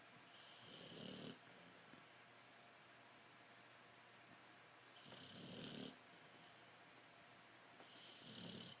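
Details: Boxer dog snoring while asleep: three long, raspy snores about four seconds apart, near 15 a minute, against steady room hiss.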